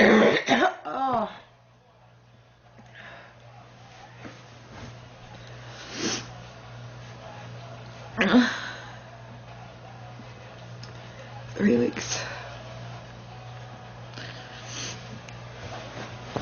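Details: Girl, sick and feeling hot and unwell: about five harsh coughs, a loud burst then spaced every few seconds, in a quiet room; repeated coughing.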